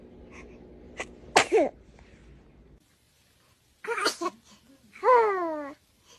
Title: baby Sneezed #shorts #shortvideo #baby #funny #comedy